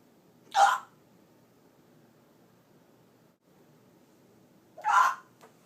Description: hiccups. hic.